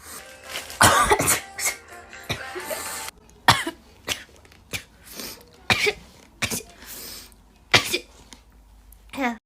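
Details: Short compilation of rapid, induced sneezes: a string of sharp explosive bursts, sneezes and coughs, over background music; sneezing and coughing.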